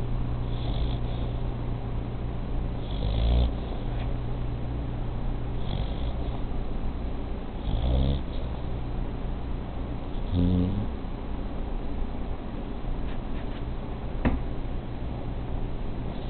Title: 11/5/09 snoring